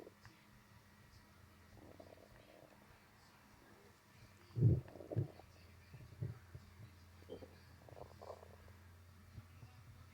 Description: I had a bloated stomach today and someone asked me to do a burp or fart video so here it is. ;)